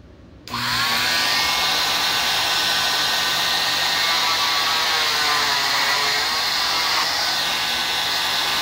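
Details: Oscillating cast saw cutting a molded fiberglass cast in a training demonstration, with blade heating noted: loud steady high-pitched whine, pitch dipping slightly as the blade bites.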